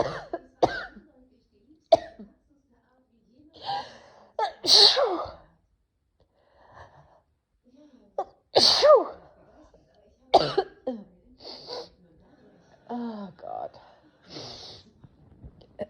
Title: Sneezing, coughing. Allergies? I don‘t know 🤷🏻‍♀️